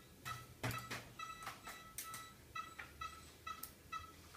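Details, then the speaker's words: Veterinary anaesthetic monitor during desexing (neutering) surgery on a male puppy: steady electronic beeps at about 130 a minute tracking the pulse, with clinking instruments. A dog recovering from a car accident may be heard in the background. "the noise you're hearing in the background is the anesthetic monitors"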